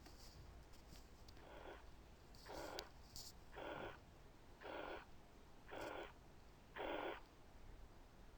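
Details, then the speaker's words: Teaching recording at the apex with the stethoscope diaphragm: regular blowing systolic whooshes at about 56 a minute, a mitral regurgitation murmur. "تاني كيس كانت على الابيكس with diaphragm، بالظبط كانت mitral regurg."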